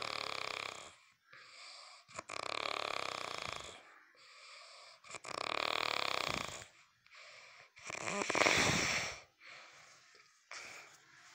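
Loud, harsh rattling snores in repeated bursts separated by quiet pauses, about 7 breaths in 11 seconds; noisy breathing in sleep.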